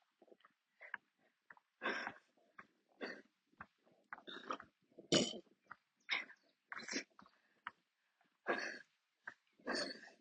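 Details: Sustained coughing attack near the end of a walk: repeated harsh cough bursts in quick clusters over about ten seconds, with gasping breaths between; attacks usually force stopping to sit or kneel.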